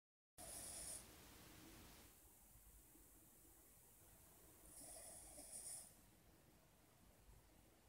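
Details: Cavalier King Charles Spaniel snoring: two noisy, whistling breaths about four seconds apart, with a low rumbling undertone between them.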